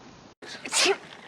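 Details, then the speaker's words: Acted sneeze in a UK television soap/drama: a single sharp, hissing adult sneeze. "i'm sorry to keep sneezing like this i caught cold at the churchyard looking at the graves"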